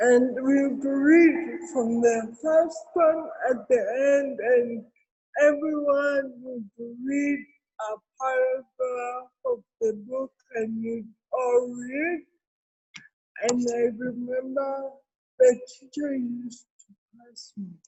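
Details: Adult woman with cerebral palsy present since birth; dysarthria (cerebral palsy).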